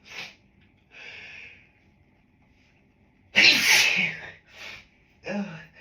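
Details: Several muffled, hissing sneezes held back against closed lips, one louder burst partly escaping, from a person with grass pollen allergy, set off by a dog in the office; stifled allergic sneezing.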